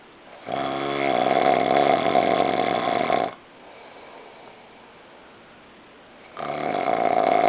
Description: I just can't help myself! hahaha He snores so loud!